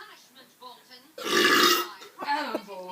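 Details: A single loud, rough belch about a second long from a man, with voices before and after: burping.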